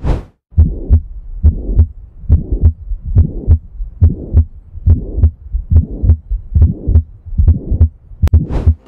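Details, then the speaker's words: Pulmonary stenosis heard at the pulmonary area, second intercostal space at the left sternal border: regular heartbeat near 70 a minute with a harsh systolic murmur filling the space between heart sounds. "this osculation point is best to hear the pulmonary valve and the murmur like pulmonary stenosis let's see how pulmonary stenosis sounds"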